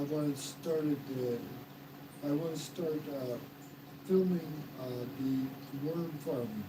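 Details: Man, 115 days into self-therapy for mild aphasia after stroke, restarting his sentence with hesitations; mild aphasia after stroke.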